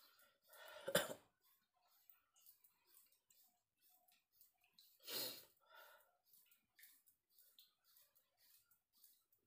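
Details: Adult man feverish with a cold (masuk angin) at dawn during rainy season: two separate harsh coughs in a quiet room, with soft rustling and breathing between them.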